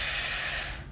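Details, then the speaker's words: Subject breathing through a spirometry mouthpiece with a nose clip, coached through relaxed breathing then a forced exhalation: a brief, steady, forceful rush of air drawn in, a maximal inspiration. "nice and easy good good a couple more nice and easy and real big"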